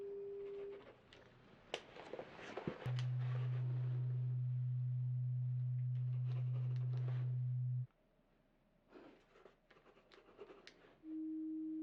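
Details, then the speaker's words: Simulated ASMR role-play pure tone audiometry via headphones, tones in separate ears, listener signalling side: steady pure tones at different pitches, one low tone held several seconds, soft rustling between. "I would like for you to raise your hand on whichever side you hear the tone in okay just anytime you hear a tone whichever side you hear s your hand on that side"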